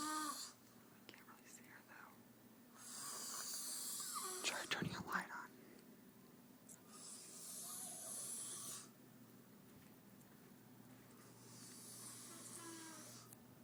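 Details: Recurring harsh, hissing inhaled snores from an adult woman asleep on a couch past midnight, loud enough to hear from another room, with faint room noise between them; snoring.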